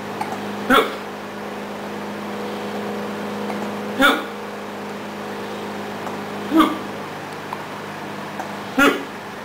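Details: Person with hiccups: four brief, abrupt, voiced gulps a few seconds apart over a steady room hum.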